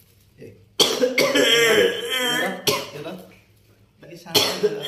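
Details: Several harsh cough bursts with strained vocal sounds between them; a lingering cough that will not heal.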